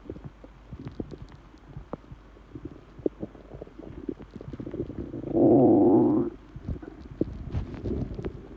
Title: Empty stomach noises